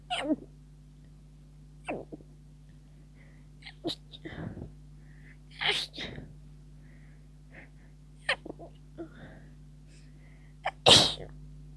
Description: I'm heading towards the end of a cold, feeling better now, but the teasy, tickling sneezes won't stop! It was quite intense...